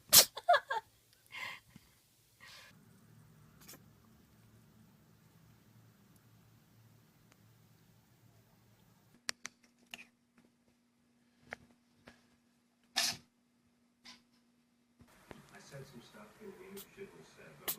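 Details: Sneezing cats: several brief, sharp sneezes in small bursts, separated by quiet stretches with faint purring and low room hum; sneezing.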